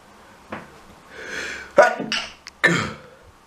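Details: Repeated sneezing attributed to allergies: two or three explosive, noisy sneezes in quick succession with breaths between them.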